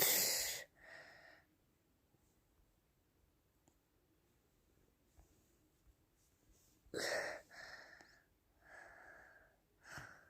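Two sharp explosive sneezes several seconds apart, each followed by a breathy exhale, with a smaller burst at the end. Ordinary sneezing.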